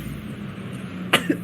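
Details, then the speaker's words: Allergy sneeze: a single sharp, explosive burst through the mouth, sneezed through the mouth to avoid repeated nasal sneezing, over room noise. "I I sneeze through my mouth because if I sneeze if I sneeze through my nose, I'm going to keep sneezing."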